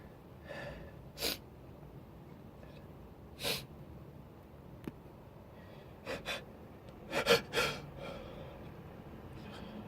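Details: Experiment to show the spray and mist of uncovered sneezing: several sharp, breathy sneezes, each preceded by a quick in-breath, the loudest cluster near the end, in a quiet room.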